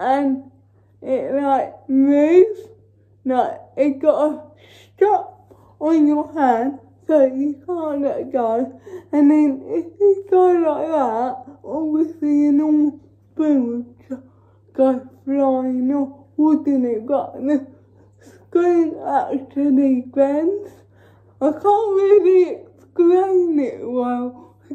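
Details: Female with cerebral palsy talking while feeding herself with a Neater Eater feeding aid; no speech disorder is named: dysarthric speech in cerebral palsy.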